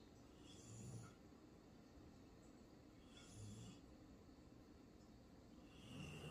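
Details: Eleven-year-old female Vizsla sleeping: soft, low rumbling snores recurring about every two and a half seconds over steady background hiss; snoring.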